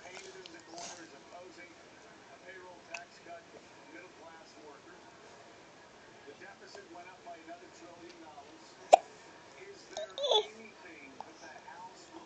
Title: Hiccups, etc.